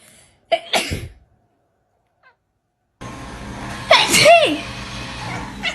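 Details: A person gives a short double sneeze, then there is quiet, room noise and a cat's meow.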